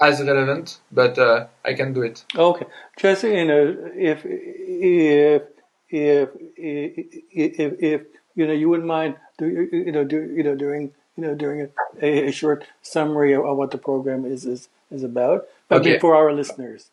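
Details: Stuttering in an adult man who grew up with stuttering described as severe, alongside dysgraphia, dyspraxia and ADHD, speaking English in a real bilingual interview.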